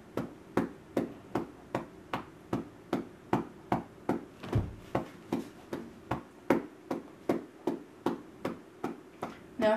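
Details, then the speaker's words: Parent's home chest physiotherapy on a calm, comfortable girl, about 2 minutes in: steady hollow cupped-hand claps about 150 a minute; chest percussion to loosen mucus. "So again, you can see she's not upset whatsoever, not hurting her, but still hard enough that it is effective."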